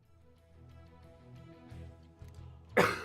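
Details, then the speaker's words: An adult streamer recovering from a lingering illness, with a hoarse, deeper voice and on medicine, gives a single harsh cough or throat-clearing burst near the end over steady background music. "Also, I apologize. I apologize if I cough or if you hear slurping. I did take some medicine."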